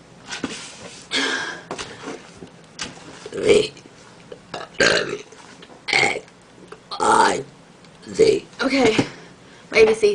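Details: Deliberate voluntary burping, apparently burping letters of the alphabet, done without having drunk soda: repeated loud, deep, voiced belches, about eight in ten seconds, with short pauses between them.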